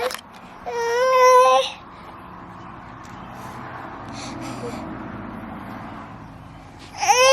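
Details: Short whiny cries and fussing with room noise between, from a tired, teething baby boy with fever (up to 102.1°F, now 99.8°F) who wants only to sleep on his mother; fussy crying of a sick infant.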